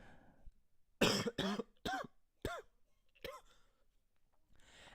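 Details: A sick person who also has sneezes and earache and coughs from time to time: a run of five short, sharp coughs, the later ones softer and more voiced, in a quiet room.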